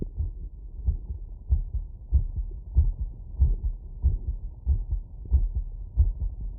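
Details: Stethoscope auscultation of the heart after physical workload: regular lub-dub heartbeat at about 94 beats a minute over a soft low rumble, rate still raised after exertion.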